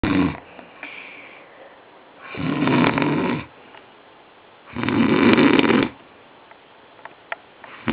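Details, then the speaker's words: Sleeping man who claimed he never snores, later diagnosed with chronic sleep apnoea: loud rattling snores on the in-breath about every 2.5 seconds, building to his rattling double snore. "Loud, isn't it? But he's only warming up. Wait for it.... And there it is, his infamous rattling double snore!!!"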